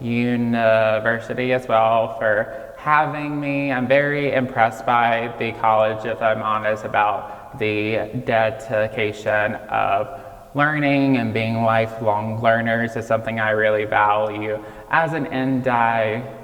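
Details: Childhood apraxia of speech in a 26-year-old man, diagnosed at age 5 and nonspeaking until age 5.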